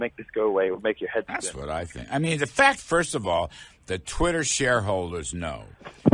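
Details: Adult male speaker; Normal voice.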